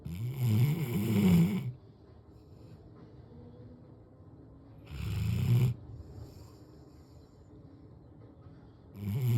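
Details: Snoring in a black Labrador sleeping on the couch: loud, low rattling snores on inhaling, roughly every four seconds, with quiet pauses between.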